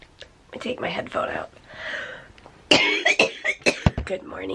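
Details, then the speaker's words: Cough in a person with cystic fibrosis: several short, harsh cough bursts and throat clearing between bits of talk, a frequent, persistent cough the person says they are tired of. "we got back from Target and I caught I was just coughing a lot and I was sick of coughing some people asked do you ever get tired of coughing yes"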